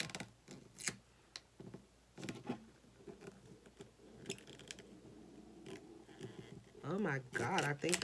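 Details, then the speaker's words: Adult's stomach growling from hunger during a crafting session: low rumbling and warbling, gurgling growl among crafting taps; ordinary hunger borborygmi. "my stomach that just growled like that I need to eat I wonder if y'all can hear that on the video comment below if you heard my stomach growling"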